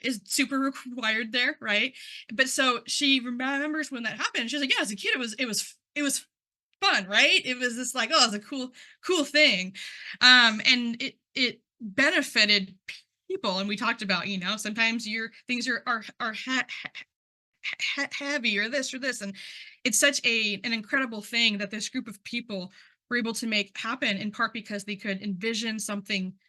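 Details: Adult who stutters, speaking at a stuttering conference, involved in stuttering communities for about 10 years; word and part-word repetitions are audible; stuttering.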